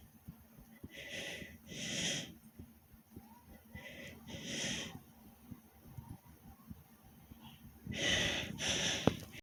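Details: Heavy breathing after doing several different exercises to make the heart beat fast: loud, deep, airy paired in-and-out breaths, about three breath cycles.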